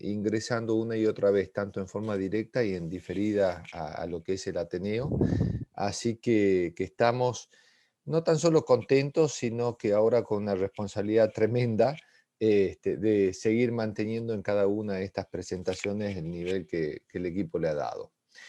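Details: Adult male speaker; normal voice.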